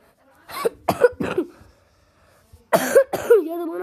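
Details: Person who says they are sick and coughing and may be hoarse gives three quick coughs in a row, then a short voiced sound after a pause; cough during an illness.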